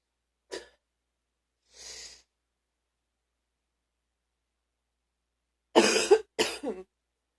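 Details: Deep cough during illness: a short catch and an audible breath in, then two loud, deep, harsh coughs in quick succession; the person was very sick but has recovered.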